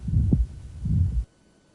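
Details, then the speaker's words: One heart cycle with a harsh mid-systolic murmur rising and falling between the two heart sounds, in aortic valve stenosis. "we didn't hear much radiation at at the apex but here there's clear radiation above the clavicle"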